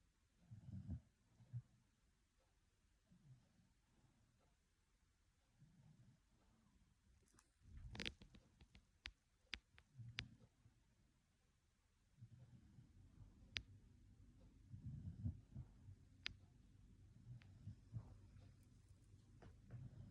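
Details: Penny, a pet, sleeping and snoring: soft, low, rhythmic rumbling snores with faint clicks in a quiet room.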